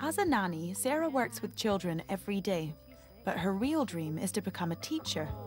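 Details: Adult female narrator; fluent speech.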